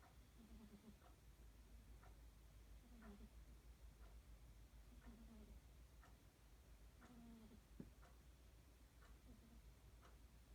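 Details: Cat snoring while asleep: very faint, soft rhythmic snores at about 28 breaths a minute, a low fluttering purr-like sound on each breath against a steady quiet room hum.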